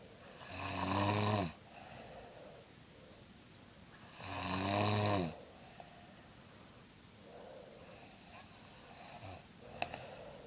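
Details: Grandma snoring in sleep: two loud, rattling snores on in-breaths about three seconds apart, with quiet breathing between, in a small room; ordinary snoring.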